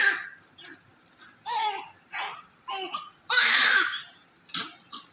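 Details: Healthy newborn baby, said to be stable with audible S1 and S2 and needing no suction or emergency care, gives short bursts of crying and fussing with clear, strong voicing, ending in a longer full cry; vigorous newborn cry.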